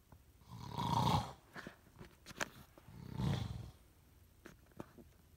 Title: Snore cam (Dad)